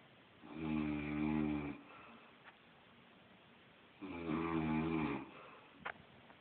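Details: Grandmother snoring in sleep, heard from the room above; smoking suggested as the cause: two long, buzzing, vibrating inspiratory snores with quiet gaps; snoring.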